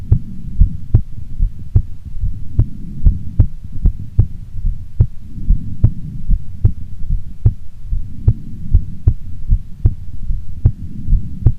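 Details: Heartbeat of a female before sleep: steady low heart thumps at about 74 beats a minute, a regular resting normal heartbeat.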